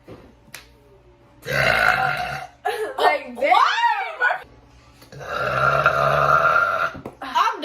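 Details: Deliberate burping: two long, loud, rumbling belches with voiced talk between them.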